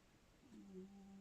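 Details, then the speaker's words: Rescue bulldog, flat-faced (brachycephalic), snoring while sleeping in the sunshine: a quiet, low humming snore starts halfway through as she breathes in; described as incredibly noisy when sleeping and eating. "then H if you can hear Meg my rescue bulldog snoring in the sunshine I apologize um she's a beautiful girl she's just with this big squished in face like Bulldogs have she's just incredibly noisy in the sleeping and the eating Department"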